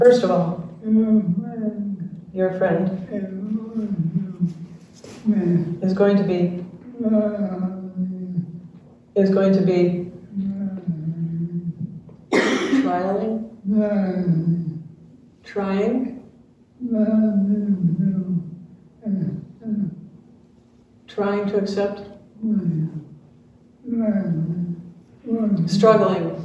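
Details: Retired male pediatrician with ALS diagnosed in late 2021; speech changed over the past two years; jaw trembling is neurologic clonus; his wife interprets his speech; dysarthria due to ALS.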